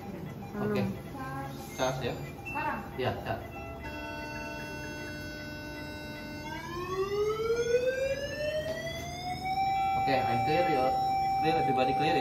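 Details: Defibrillation/DC shock/cardioversion tutorial: the defibrillator charging whine rises in pitch, then settles into a steady charge-ready tone before the shock, after a call to stand clear of the patient.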